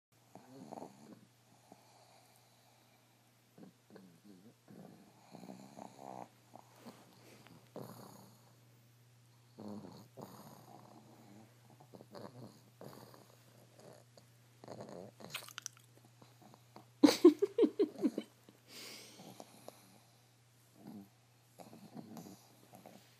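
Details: Sleeping pugs snoring with irregular rattling snorts and one loud snort burst.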